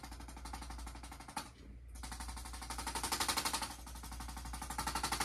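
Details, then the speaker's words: Rapid mechanical tapping, about four taps a second, with a brief pause, from a handheld chiropractic adjusting instrument used on a patient's first chiropractic visit. "don't move I'll use this tool here to tap it looks like this"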